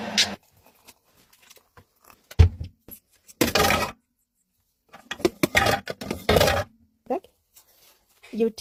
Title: Parrot mimics lung disease cough to get a warm cup of tea #parrots #fyp #birds